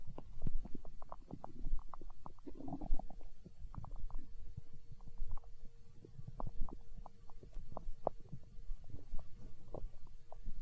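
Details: Stomach growling (borborygmi) recorded for ASMR, tagged as hunger sounds: irregular low gurgles, squeaks and brief rumbling tones, ordinary bowel sounds.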